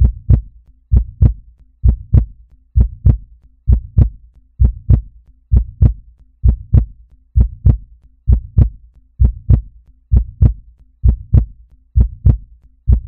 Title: Heartbeat